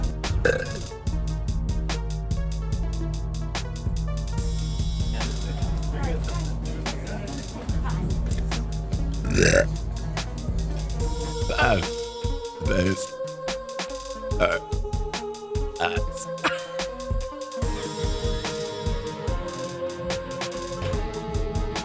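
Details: Girl in a burping contest, a long, loud, deliberate burp under background music, followed by short repeated sounds: voluntary belching.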